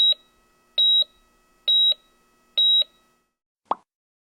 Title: Hospital Heart Monitor Sound Effects